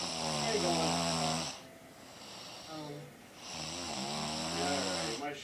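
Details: Two long, loud, rattling snores with a buzzing, pitched drone and a quieter breath between them, from a sleeping woman who claims she never snores; heavy snoring.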